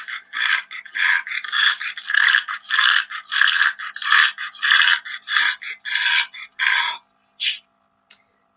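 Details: Pug with brachycephalic obstructive airway disease (BOAS) after a 3-minute exercise test: stertor, the snoring-type upper airway noise.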